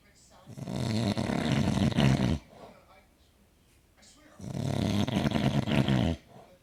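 Two long, loud, rough rattling breaths separated by a quiet pause, about two seconds each; heavy snoring.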